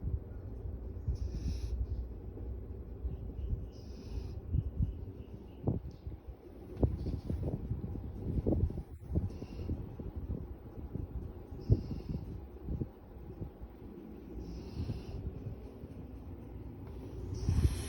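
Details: Golden retriever snoring while asleep, with low, rough rumbling breaths and soft snorts against quiet room noise.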